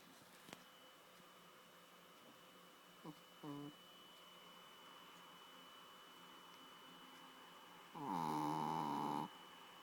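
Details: Loud snoring from a sleeping adopted female dog: a steady hum, two brief snorts, then one drawn-out rattling snore of about a second.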